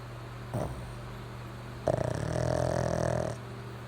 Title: Snoring Pug